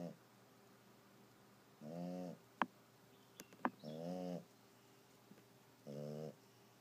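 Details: Three regular, low, buzzing snores about two seconds apart with a few faint clicks between, in a quiet room; snoring.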